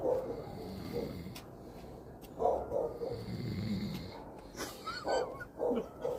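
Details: Sleeping dog snoring: low rattling breaths and short snorting sounds at an irregular rhythm.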